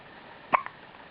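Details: Infant girl at home: a single short, sharp ordinary infant hiccup against soft room noise.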